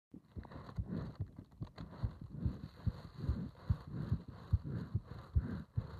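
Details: Heart sounds recorded during bag breathing (part 3): regular, low heart thumps at about 72 a minute under rushing breath noise; a steady heartbeat.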